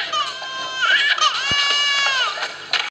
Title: Baby Crying Want To Baby Cry